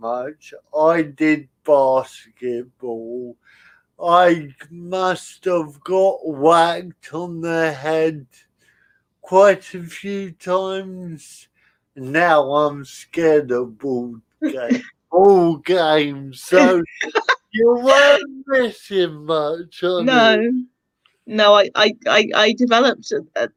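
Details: Adult male with spastic cerebral palsy attributed to lack of oxygen at birth, affecting limb control and speech; dysarthria in spastic cerebral palsy.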